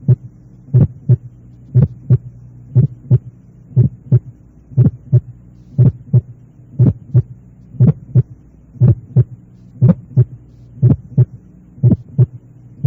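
Simulated heart at about 59 beats a minute, steady rhythm, with a sharp early systolic click just after the first sound: a pulmonary ejection sound.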